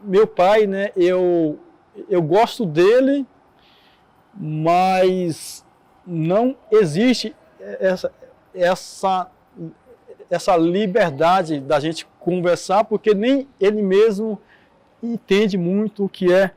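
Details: Adult Portuguese-speaking man who stutters, heard speaking with stuttering.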